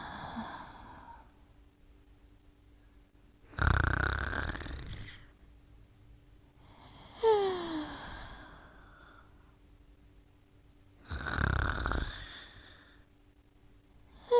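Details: Snoring during sleep: loud rattling snores recurring about every four seconds, roughly 15 per minute, with quieter whistling breaths between.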